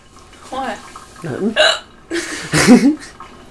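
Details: Adult woman, a mom, with hiccups: several abrupt, voiced hiccups, each a sharp catch of breath, spaced irregularly and mixed with brief vocal sounds.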